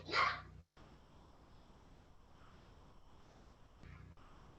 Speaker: that's our little dog coughing you can hear that